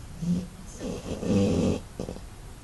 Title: Busta snoring..